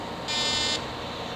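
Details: Fractional laser fires during live resurfacing of a patient's neck, treating a rectangular area near the ear toward the post-auricular region: a steady high electronic tone lasting about half a second over room hum.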